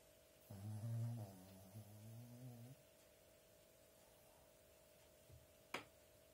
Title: Dresden 25.11.2022 - snoring